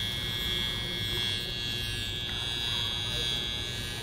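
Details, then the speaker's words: Steady high-pitched electrical buzz and hiss with a low hum underneath: a high-frequency facial wand used as an add-on facial during a salon treatment on an adult woman with oily, hormonal acne-prone skin; it feels like static electricity and is meant to kill bacteria. "what you're hearing is like a high frequency wand i guess you would call it and it you don't feel it if anything it feels kind of like static electricity it's supposed to kill bacteria"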